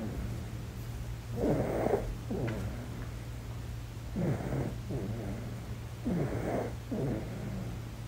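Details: Soft, rattly snoring breaths in repeated pairs over a steady low hum, from a baby in deep sleep; ordinary infant snoring.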